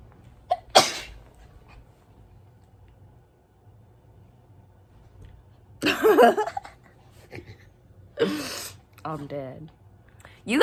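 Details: Induced sneezing ("how to sneeze nonstop"): three forceful sneezes, each a sharp burst with a gasp before it, plus brief voice sounds between them in a quiet room.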